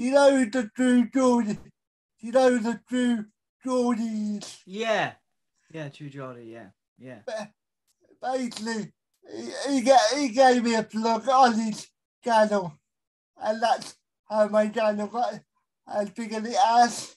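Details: Adult male with a severe type of cerebral palsy; dysarthria due to cerebral palsy.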